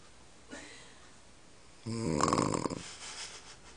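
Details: Grandmother snoring at night: one harsh, rattling snore on the in-breath in a quiet room, with a faint softer breath sound before it.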